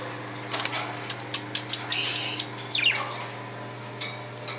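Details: Budgerigar's unusual sneeze: a run of tiny, sharp, clicking sneezes with a brief squeaky chirp over steady room hum.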